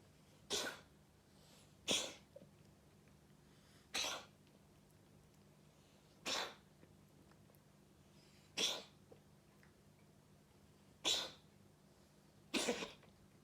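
Seven sharp, explosive sneezes from a cat at irregular intervals over about 13 seconds, with quiet between them.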